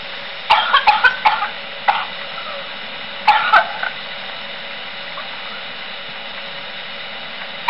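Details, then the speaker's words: Demonstration of the paroxysmal phase of whooping cough (pertussis): rapid runs of short coughs in quick succession, typical of a pertussis coughing fit. "they will develop a more serious cough along with the classic whooping saw as well as for meeting this is what the whooping style sounds like"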